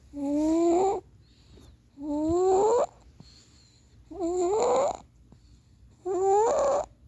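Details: Sleeping baby boy deep asleep and snoring, likened to an air raid siren.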